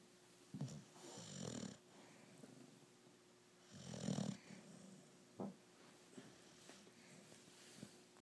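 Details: 6-month-old female yellow Labrador snoring asleep with eyes open: low rumbling snores, two clear ones about three seconds apart, with soft snuffles and a faint steady room hum.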